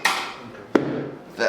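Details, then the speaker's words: Chiropractic drop technique on a manual drop table for a patient with years of back pain and sciatica, working the lumbar spine: a sharp knock as the table section falls, with brief voice sounds before and after. "so now I'm going to do the drop technique okay so you've seen this in all videos good so both Dr Johnson and Dr Aaliyah have an airdrop table mine's the manual drop table"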